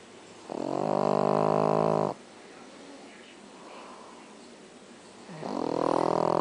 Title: Beemer snoring